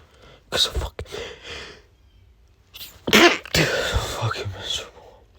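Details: Adult male with pollen allergy, burning nose, sneezing all day: two forceful sneezes with sharp air bursts and voiced outcries, separated by a pause; allergic sneezing.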